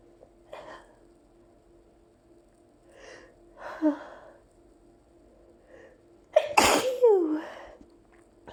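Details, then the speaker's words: Allergy sneezing after opening windows on a hot summer day: soft breaths build up, then a loud explosive sneeze with a voiced trailing sound, during two minutes of nonstop nose tickle with repeated sneezes; sneezing. "Oh my god. I'm not done. I still have to sneeze. There's more."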